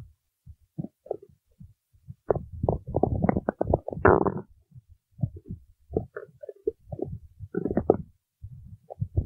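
Irregular low gurgles and squeaky rumbling bursts separated by quiet gaps: stomach growling, ordinary bowel sounds.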